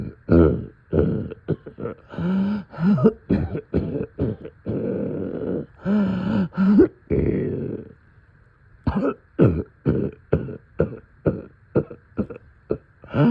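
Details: Middle-of-night coughing with deep chest congestion: repeated deep, harsh coughing fits with rattly, phlegmy throat-clearing and brief pauses; wet productive cough.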